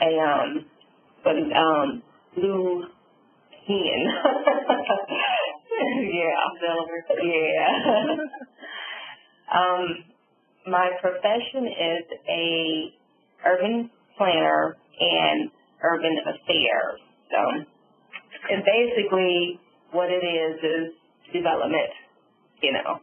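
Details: Adult female stroke survivor with aphasia and apraxia after a subarachnoid hemorrhage and stroke, with word-finding difficulty and right-sided semi-paralysis; aphasia and apraxia of speech.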